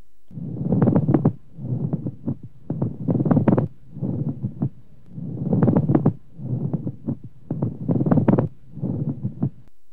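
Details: Coarse, creaking, grating bursts like new leather, superficial and close to the ear, with both breathing in and breathing out: a pleural friction rub.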